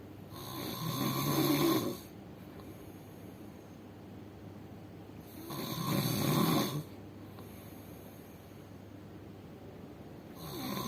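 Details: Loud, rumbling snores on each breath in, about 12 breaths a minute, with quiet gaps between; snoring likened to the noise of a large Hitachi excavator.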